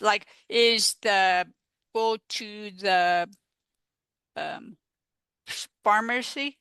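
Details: Real adult woman, a stroke survivor living with post-stroke aphasia, speaking in an interview; aphasia.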